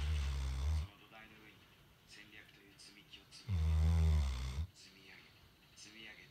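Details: A sleeping golden retriever: deep, loud rattling snores with quiet breathing between them; ordinary sleep snoring in a dog.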